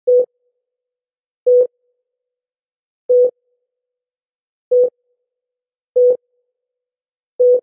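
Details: Heart rate monitor sound effect, not a real recording, labelled fast beeping for sleep: a clean, steady electronic beep repeating about 37 times a minute.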